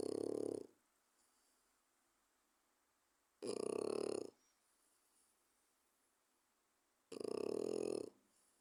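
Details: A 4-month-old French bulldog puppy snoring loudly like a human: regular snores about every three and a half seconds, roughly 17 a minute, with quiet between; snoring.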